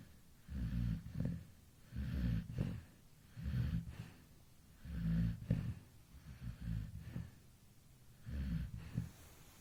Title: MY snoring baby at 2 A.M sleeping relaxly with PP